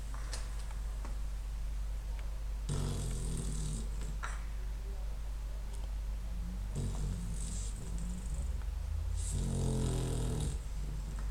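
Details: Snoring: three loud, rough, low snoring breaths with quieter breathing between, over a steady low hum.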